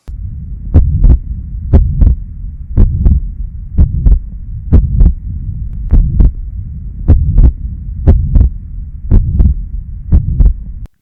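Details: Heart regular at about 60 a minute, with a steady low hum running between the beats: tricuspid regurgitation murmur.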